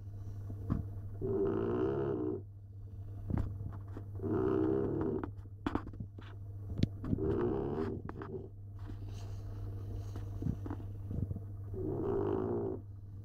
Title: Del boy staffie snoring